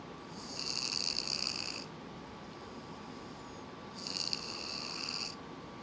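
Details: An individual snoring and struggling to breathe: two high, whistling, buzzy snores about four seconds apart, suggesting narrowed airflow through the nose or throat.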